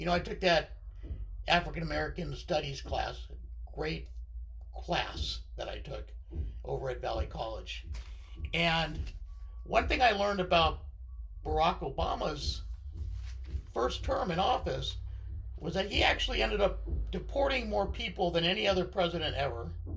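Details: Unilateral left-sided vocal cord paralysis in a male speaker after partial left lung removal (lobectomy), limiting voice control; a thoracic surgeon recognised the paralysis from his voice.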